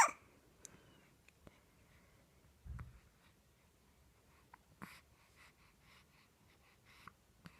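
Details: Baby with hiccups during a morning chat, still babbling: scattered short, abrupt catches of breath in a quiet room, with faint babbling between them; hiccups.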